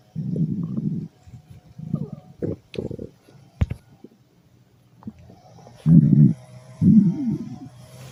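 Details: Stomach growling (borborygmi) from a cat: loud, low gurgling and rumbling bursts from the belly.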